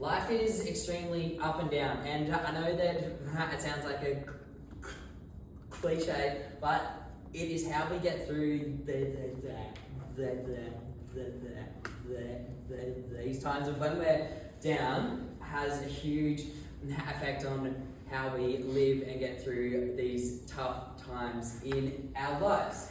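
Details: Adult male who has stuttered since about age 6, giving his first Toastmasters speech while very nervous; stuttering.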